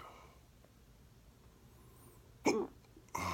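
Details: Someone who thinks they ate too fast; two abrupt, jerky vocal bursts about a second apart, sudden involuntary catches of breath; hiccups.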